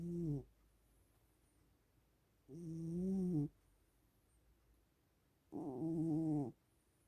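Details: Loud, regular, low-pitched rumbling snores at about 20 a minute, with quiet gaps between them, from a sleeping pet said to snore like a man.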